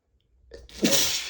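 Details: A single sharp sneeze after a brief catch of breath, one of repeated sneezes from an allergy flare-up triggered by dust from cleaning a bookshelf.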